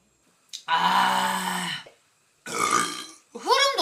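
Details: Long, loud, rumbling voluntary belches one after another from a Korean Twitch streamer, who mentions drinking a glass of beer and eating before the clip: burping.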